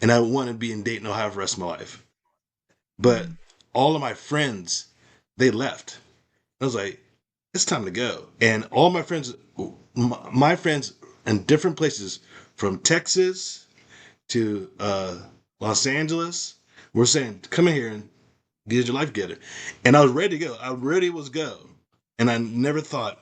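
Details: Adult man with aphasia after a stroke, in stroke recovery with ongoing speech practice; aphasia.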